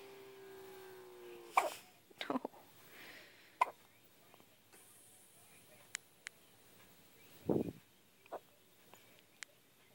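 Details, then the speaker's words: Baby girl who often has hiccups, here in a bout lasting about ten minutes: several brief, sharp hiccups at irregular intervals over quiet room noise. "Somebody has the hiccups. Of course they're gonna go away."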